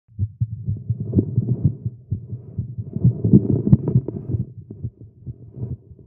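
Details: Male heartbeat during exercise after caffeine, tagged as irregular heartbeat: rapid, somewhat uneven, low thumping beats; a fast heartbeat.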